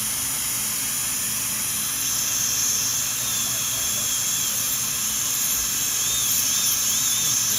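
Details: Steady high-pitched whine and water-spray hiss of a high-speed dental drill with faint pitch shifts under load, roughing in tooth reduction on teeth #7 and #8 for porcelain veneers with lingual chamfer margins.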